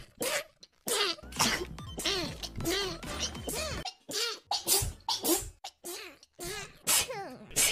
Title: 1 Minute of Hololive Sneeze | Hololive Sneeze Compilation